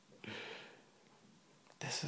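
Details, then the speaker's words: Two abrupt, breathy catches in a baby boy's breathing about 1.5 seconds apart: his first-ever hiccups, which seem to unsettle him a little. "our little boy and he has the hiccups for the first time it's kind of freaking him out a little bit but i think he's handling it pretty well"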